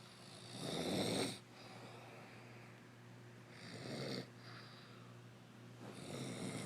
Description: My wife snoring!!!! Wtf!!